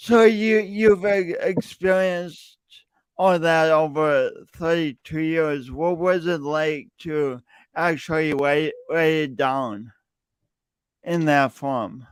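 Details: Male podcast host who says his speech impediment is audible every time he speaks; speech impediment (disfluent speech).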